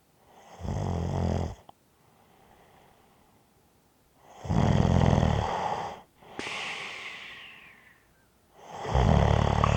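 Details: Snoring with a light whistle, recorded as ASMR.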